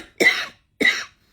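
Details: Two short, dry, harsh coughs about half a second apart in a quiet room, from an adult in bed after nights of bad coughing fits; earlier suspected dust from electric heating, now blames electronic torture.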